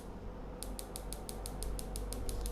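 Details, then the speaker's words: Demonstration of a shockwave therapy device for erectile dysfunction, applicator with rubber head and jelly, started by button: steady fast clicking about five pulses per second over low room hum; speed and power adjustable. "and once we start shock waves this is very simple and there is a button here you can hear the"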